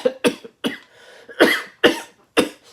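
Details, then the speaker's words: An adult man with COVID-19, his second infection and worse than the first, ill since the previous Thursday, gives a run of about six harsh, loose coughs in quick succession. "If you did not, you would know that I have COVID. Yes, I have COVID. It's not fun."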